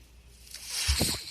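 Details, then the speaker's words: Podcast host's own mechanical ventilator at the closing of his podcast, as he notes the noise is his ventilator: a soft airy hiss swells into a brief low whooshing thump, its ordinary working sound; mechanical ventilator sound. "All right, everyone. My name is. That noise is my ventilator."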